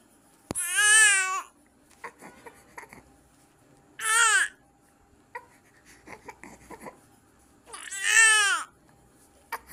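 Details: Newborn on day 2 of life crying during a bath while held on the bather's legs and the back is washed: three loud, rising-falling cries separated by quiet gaps, with splashing and handling noises. Ordinary newborn crying.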